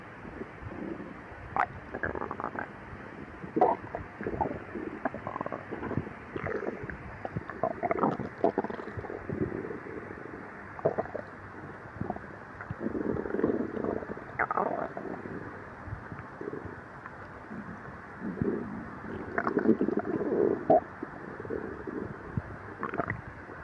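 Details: Repeated gurgling, rumbling stomach growling (borborygmi) from a girl's empty stomach, reportedly after 3 days, heard with her boyfriend's head resting on her belly.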